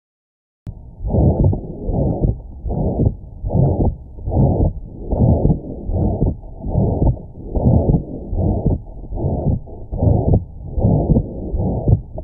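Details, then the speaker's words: Regular heartbeat with a long, harsh whooshing murmur filling each beat; ventricular septal defect murmur, from an abnormal opening between the ventricles causing a left-to-right shunt. "Ventricular septile defect is an abnormal opening between the right and left ventricles again causing a left to right shunt resulting in additional blood being pumped to and through the lungs."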